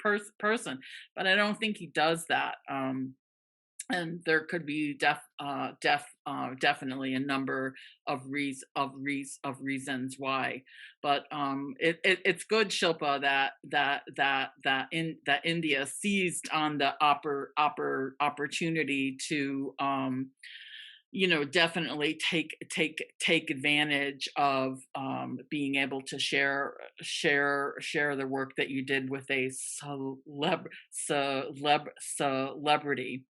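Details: Adult man from the Netherlands who stutters, at times severely; long pauses between words suggest blocks; stuttering.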